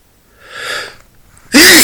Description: Had to get some things out of a dusty closet and then, this happened.